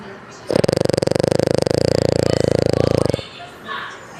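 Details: French Bulldog snoring: one long, loud, rapidly fluttering snore lasting nearly three seconds from a flat-faced small dog.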